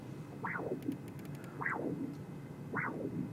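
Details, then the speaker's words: Spectral Doppler of a healthy femoral artery near the SFA/profunda bifurcation with no plaque: sharp rising whoosh with a brief reversal and a soft after-sound, about 52 a minute, a normal triphasic waveform. "down here in the spectral Doppler we see a nice triphasic waveform and our Peak velocity in this example is about 100 cm/ second that's absolutely normal in the peripheral arteries"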